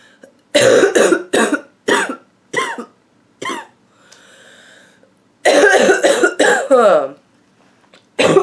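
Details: Adult woman with a nasty cough: about eleven harsh, loud, voiced coughs in two rapid runs split by a brief noisy inhalation; barking cough.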